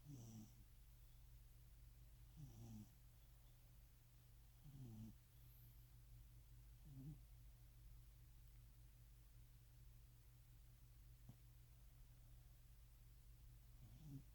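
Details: Soft, low rumbling snores every two to two and a half seconds over steady background hum during a nap (described as a cat nap); snoring in sleep.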